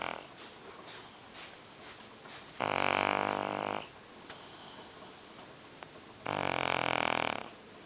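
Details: Large cat, at least about 30 lbs, snoring loudly while asleep: two loud, rattling snores about four seconds apart, with quiet breathing between them.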